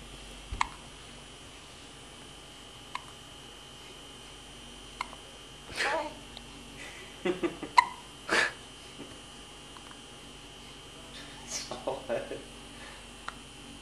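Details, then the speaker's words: Baby hiccups (he also had them in the womb), recorded on a Flip Video camcorder: several soft, abrupt catch-like sounds at irregular intervals in a quiet room. Hiccups. "Is this his first hiccup? No, he would get them in the womb."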